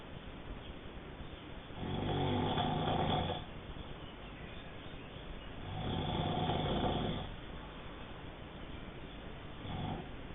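Loud rattling snores on each breath in, about one every four seconds, roughly 15 breaths a minute, with quiet breathing out between.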